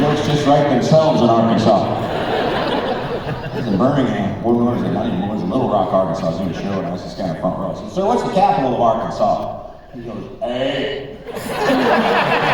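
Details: Man, former record producer, with incurable spasmodic dysphonia developed at the height of his career, progressively worsening until voice was lost, unhelped by vocal coaches or doctors, still audible; spasmodic dysphonia.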